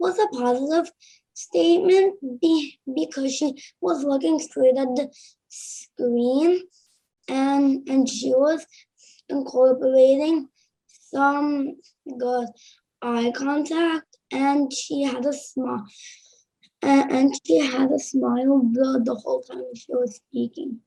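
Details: Boy who stutters, childhood stuttering; stuttering.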